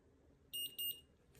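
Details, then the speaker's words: Omnipod insulin pump pod being filled with Novolog from a vial: two bright, high electronic beeps signalling the pod holds the minimum insulin needed to operate, thought to be about 85 units. "And you hear that beep? It's beeping because it has the minimum amount of insulin necessary to operate, which I think is 85 units."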